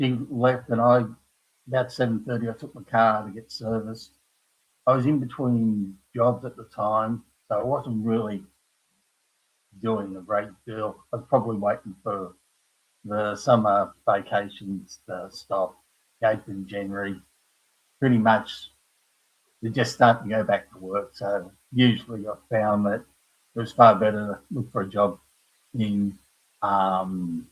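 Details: Adult man with aphasia after a stroke at age 58, caused by a blood clot from his heart, following a severe heart attack and quadruple bypass; knows what he wants to say but cannot find the words; aphasia.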